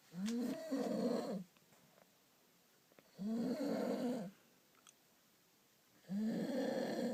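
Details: Person passed out asleep on a ski trip, snoring loudly: rattling snores on each inhalation, about three in seven seconds, with quiet pauses between them.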